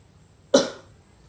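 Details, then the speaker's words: Single strong, deliberate cough from an adult demonstrating effective coughing to clear sputum: 4–5 deep breaths, breath held 1–3 counts, shoulders raised, then a forceful spontaneous cough. "Hai kemudian angkat bahu dan dada dilonggarkan memakai Hai dan batuk secara kuat dan spontan"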